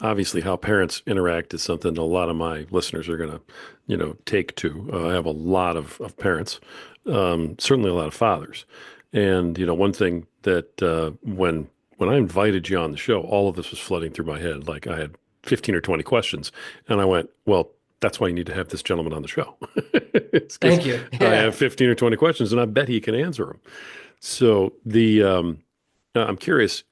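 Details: Adult male speaker; typical speech.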